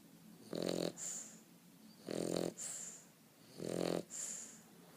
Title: Bulldog snoring